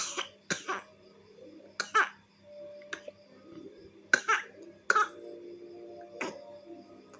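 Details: Several short, light coughs in small bursts, about five in all, from a baby girl coughing after an evening motorbike ride, with faint room noise.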